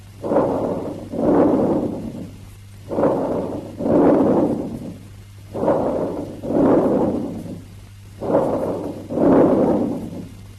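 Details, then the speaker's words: Stethoscope diaphragm near the upper sternum in the infraclavicular areas or on the back around the 3rd–4th thoracic vertebrae, patient sitting or standing: soft blowing breaths, inspiration and expiration of similar length and loudness; normal bronchovesicular breath sounds. "And close to the upper part of the sternum in the infraclavicular areas and on the back around 3rd and 4th thoracic vertebrae, you hear a mixed or bronchovesicular breathing."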